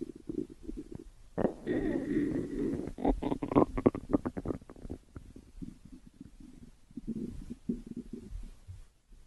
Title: stomach growling (hololive)